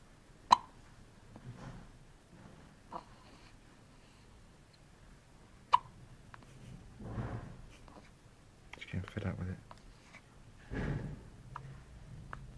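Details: Day-old baby girl with hiccups, not always after feeding: a few brief, abrupt hiccups among soft babyish sounds and quiet room noise.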